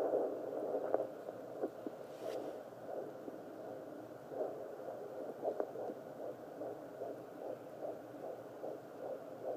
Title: Babies heart rates on fetal heart rate monitor